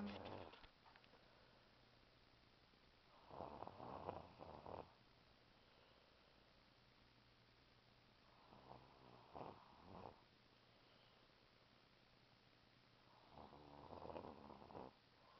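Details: A sleeping 6-year-old boy, said to snore loudly, makes soft fluttering snores with each breath, about four to five breaths a minute, over a steady low hum; snoring.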